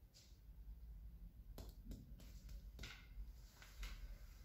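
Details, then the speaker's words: Medical student's chest examination: several soft, dull finger-percussion taps over the patient's intercostal spaces with room noise, checking for abnormality; a normal chest percussion note. "el tercer paso en la exploración de tórax consta de la percusión en este caso vamos a percutir los espacios intercostales de nuestro paciente para encontrar alguna alteración"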